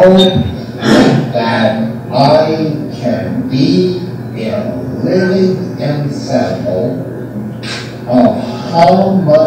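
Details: Adult man speaking; Aphasia with melodic intonation.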